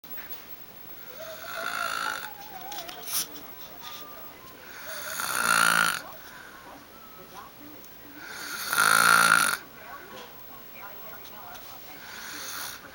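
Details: Frank snoring: two loud rattling snores against room noise and faint background sound during sleep.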